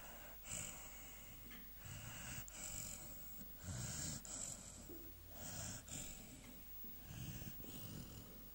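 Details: A sleeping American Staffordshire Terrier (Amstaff) snoring.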